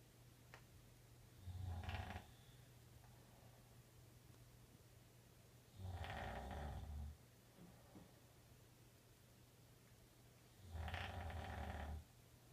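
Three low, rattling snores about every four to five seconds, roughly 13 breaths a minute, with steady low hum between them.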